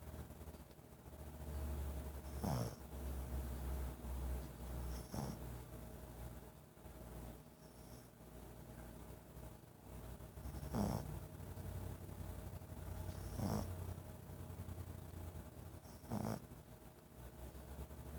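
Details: Soft rhythmic snorting snores, about one every 2.7 seconds (roughly 22 a minute), from a sleeping dog called Baby Tater, over a low steady room hum.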